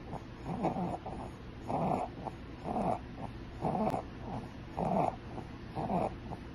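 Rough, rattling snore-like breath sounds about once a second, pointing to upper airway obstruction in a child.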